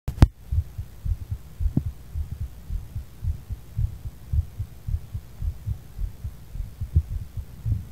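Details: Heartbeat after cannabis use: steady low thumping at roughly 110 beats a minute, mildly fast, with faint hum behind it.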